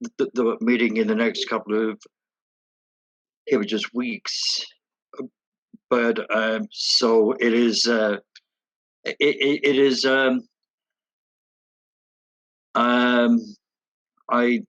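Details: Adult woman who stutters, with sound and part-word repetitions: stuttering.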